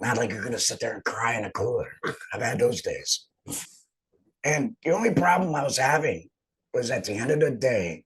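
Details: Adult male speaker; alaryngeal speech after total laryngectomy.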